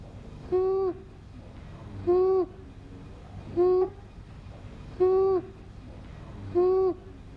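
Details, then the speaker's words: Regular, harsh, high-pitched crowing noises on each breath in, about 39 a minute: inspiratory stridor. "we heard a harsh noise when helen was breathing in therefore we decided that helen does have stridor"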